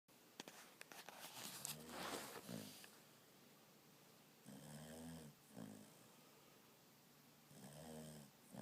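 A dog's snoring: low rattling breaths in irregular bursts with quiet gaps between, plus some rustling early on.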